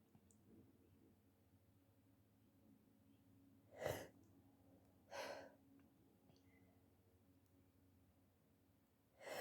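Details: Sneezing after a nasal COVID test swab, sneezes harsh enough to hurt the throat: two soft, breathy sneezes a few seconds apart, a third starting at the end, quiet room; sneezing.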